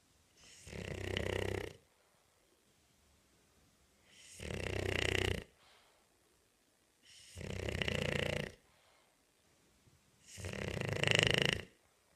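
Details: Loud, rough, rattling snores on each in-breath, about four in twelve seconds, with quiet gaps: heavy snoring from a bulldog.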